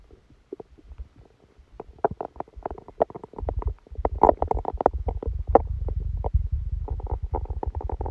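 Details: Stomachache after Christmas dinner, recorded while sleeping: continuous bubbling, gurgling rumbles building into dense, steady churning, loud active bowel sounds.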